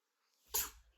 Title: Cat rolls around and sneezes